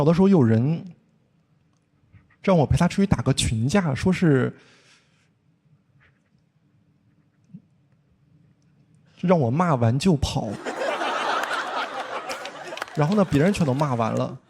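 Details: Stand-up comedian with a lifelong blocking-type stutter present since childhood, described as formerly very severe; stuttering with blocks.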